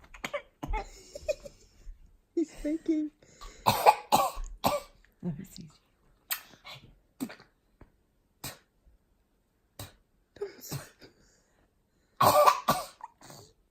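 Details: Baby deliberately fake-coughing: short, light cough-like bursts between soft babbling and adult voices, an imitated cough rather than an illness cough.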